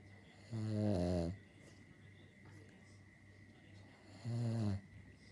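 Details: Dog snoring: two loud, rumbling snores several seconds apart with quiet breathing between, over a steady background hum.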